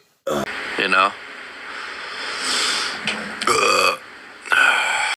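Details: Several loud, voiced, gurgling belches in a row from men, with brief breaks and room noise between; burping.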